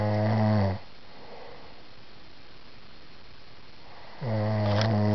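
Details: Unidentified sleeper: loud, deep rattling snores on the in-breath, separated by quiet pauses of a few seconds; snoring.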